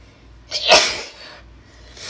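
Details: Sneeze from a person with a cold, induced by nose-blowing: one sharp, hissing sneeze after a brief inward breath in a quiet room.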